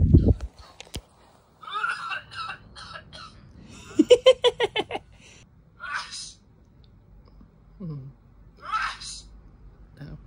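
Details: Acted sneeze performed for a commercial shoot, a sharp burst followed by exaggerated breathy vocal bursts, with quiet room background.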